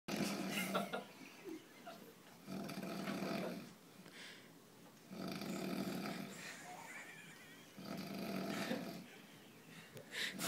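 Rough, rattling snores coming about 24 times a minute, each followed by a quieter breath out: regular snoring.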